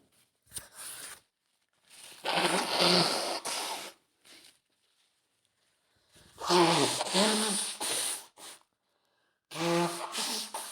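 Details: Female adult with an early common cold caught from her boyfriend, several quick sneezes with sharp in-breaths and short voiced outbursts between; sneezing fit with a cold.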